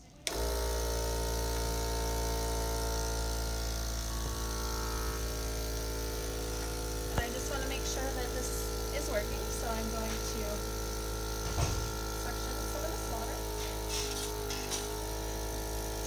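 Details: Steady motor hum of a suction machine running, with brief gurgling and clicks as a nurse performs sterile tracheostomy suctioning on a positioned patient on pulse oximetry; suctioning repeated three times.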